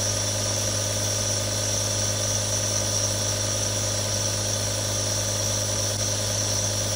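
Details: Real recording of three different nebulizers running: a constant buzzing compressor drone with hiss, unchanged throughout.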